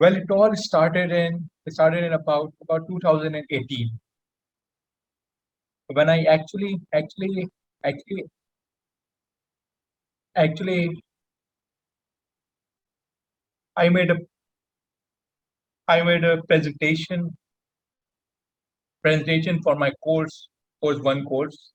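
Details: Adult male panelist with stammering, with frequent word and phrase repetitions in speech: stuttering (stammering).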